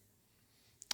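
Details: Tongue click (clucking sound) during a stuttering block in a man; he says it happens when his stutter gets really bad, and that a speech difficulty outgrown in youth returned from his 40s.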